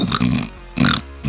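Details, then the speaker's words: An adult comedian vocally imitates a friend's heavy snoring with two loud, rough, buzzy snorting bursts; the friend's own snoring kept waking him up. "él roncaba y el mismo ronquido lo despertaba, decía, "Puta, ¿quién está haciendo ruido?" se volvía a dormir y repetía"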